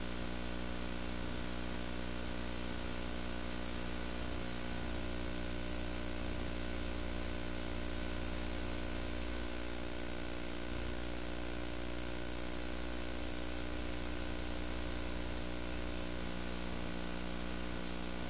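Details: Early fetal heartbeat on obstetric ultrasound at 7 weeks of pregnancy, first time heard, at the second clinic visit: fast, regular rhythmic whooshing pulses over steady machine hum.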